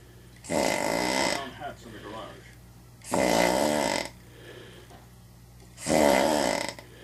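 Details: Loud harsh snores about every three seconds with quieter breaths between, from a sleeping person with sleep apnea; television dialogue in the background.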